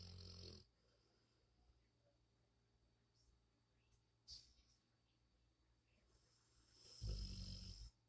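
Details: Dog snoring, loud in person: two deep, rumbling snores about six seconds apart with quiet breathing between.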